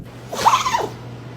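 A single short, sharp sneeze-like burst from an animal.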